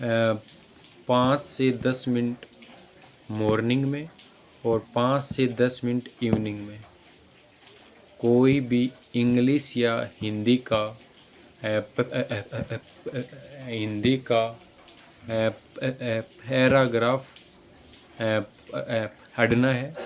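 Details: Adult male speaker; stuttering.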